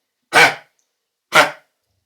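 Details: A dog with kennel cough gives two harsh, honking coughs.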